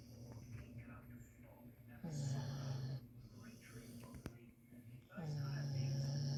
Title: 🤣🤣🤣Funniest dog snoring louder then a human🤣🤣😍